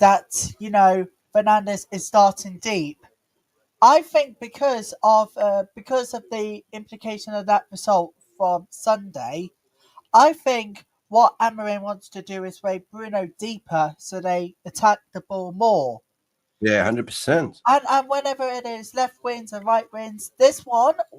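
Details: Adult speaker; normal speech.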